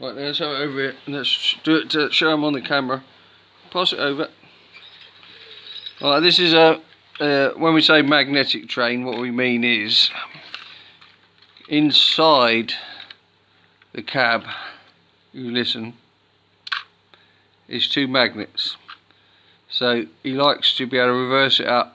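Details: Adult man speaking; ordinary speech.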